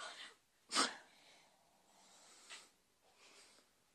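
One sharp sneeze burst, then a few soft breaths in a quiet room.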